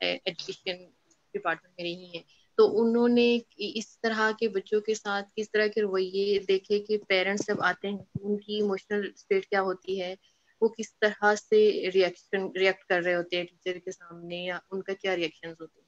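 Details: Adult woman speaking Hindi; fluent speech.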